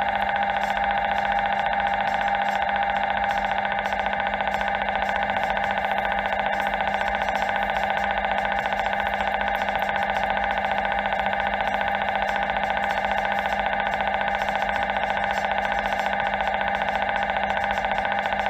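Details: A loud, steady, rapidly pulsing electronic buzz and hum from an MRI scanner during a scan.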